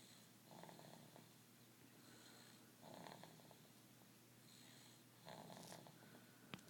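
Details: Soft, rattly snoring from a sleeping cat, with faint breaths recurring every couple of seconds over steady room hum; snoring.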